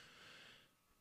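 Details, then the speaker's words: An adult who says the shortness of breath lingers after stopping ciprofloxacin, breathing hard while talking on a live stream: a single loud, forceful intake of breath with rushing airflow; laboured breathing. "something that seems to be sticking around is this horrible shortness of breath I'm sure you can probably hear it on the microphone me having to like really breathe hard to get a breath in"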